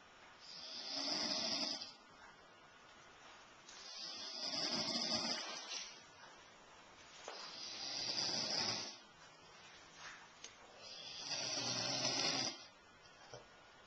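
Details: Breathy, hissing snores about every three to four seconds, roughly 17 a minute, with quiet gaps between them, recorded on a Flip Video camcorder: snoring.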